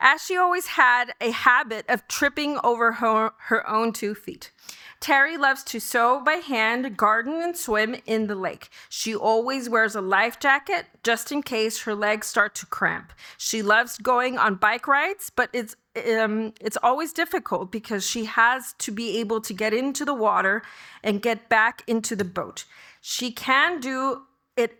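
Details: Adult woman speaking; typical speech.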